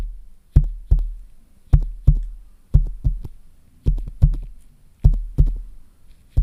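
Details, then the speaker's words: Acted ASMR nurse roleplay, stethoscope on chest: paired low thumps about 50 a minute, probably a sound effect; nurse calls it regularly irregular and not concerning, and asks about palpitations; heart sounds through stethoscope. "you've got a little bit of an irregular heartbeat there um but it's regularly irregular and it's nothing that I'm too concerned about"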